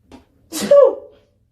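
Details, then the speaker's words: A short breath in, then a single sharp voiced sneeze with a brief vocal tail from a woman who keeps sneezing after burning sage in the room; an ordinary sneeze. "I uh burned some sage in here earlier and now I keep sneezing it's driving me nuts back"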